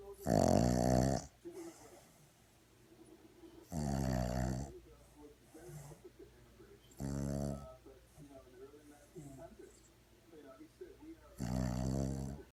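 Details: 4-month-old Boston terrier puppy in deep sleep: four loud, snorting snores over about twelve seconds with soft snuffling breaths between; snoring.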